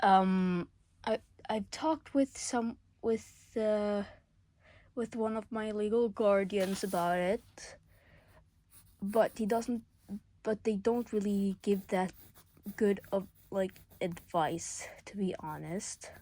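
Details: School-age speaker who says they stutter a lot; stuttering.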